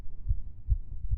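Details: Female's fast heartbeat picked up by a microphone: low soft thumps about 0.4 seconds apart, near 140 a minute, under a faint hum.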